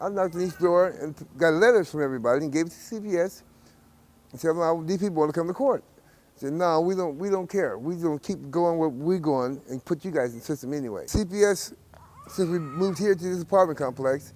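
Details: Adult male speaker; typical speech.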